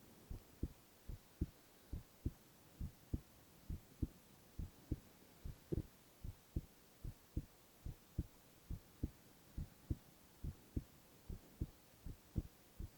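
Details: Silent ASMR recording of a male's continuous heart sounds: steady, regular clear thumps at about 70 beats a minute with no extra sounds; normal heart sounds.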